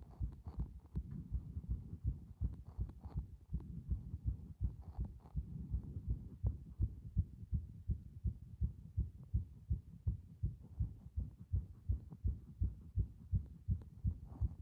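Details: Heartbeat recorded to show heart muscle strength: steady, regular low thumping, fairly fast, a continuous rhythmic pulse.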